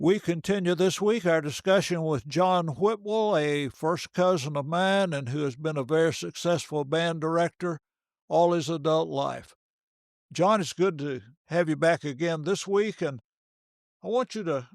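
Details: Adult male speaker; normal fluent speech.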